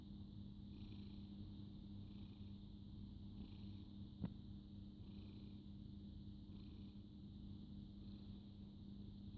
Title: Snoring cute cat